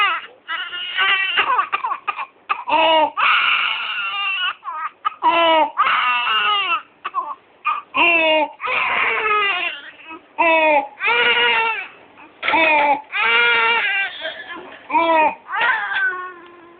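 Infant crying in repeated bursts, with harsh, noisy breaths drawn in between cries, consistent with stridor.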